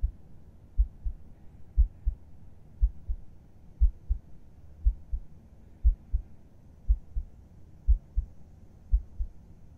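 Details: Adult's heartbeat heard with head resting on chest at bedtime, ASMR recording: steady soft low double thumps at about 60 a minute under faint hum; calm, regular normal heartbeat.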